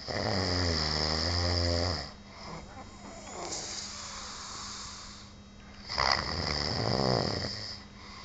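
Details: Person asleep while on duty, loud snoring: rough, rattling snores on the in-breath with quieter breathing between them.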